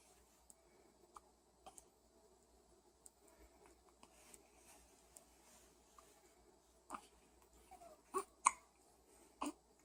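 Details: Quiet room with faint clicks, then several short, sharp gulping sounds near the end; hiccups.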